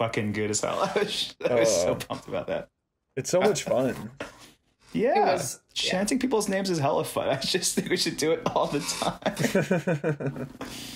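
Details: Adult speaker; Normal conversational speech.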